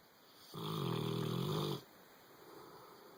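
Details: Boxer dog asleep in a bed: one loud, low, rattling snore lasting just over a second, then quiet room noise; snoring.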